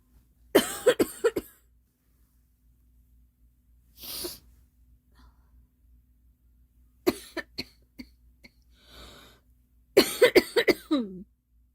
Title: Girl Coughing 361